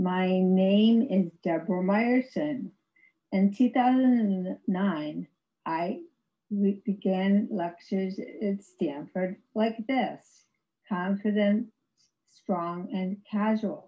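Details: Woman with severe aphasia after a severe stroke in 2010; no speech for three years, with ongoing speech challenges, recorded in 2021, about 11 years post-stroke; aphasia after stroke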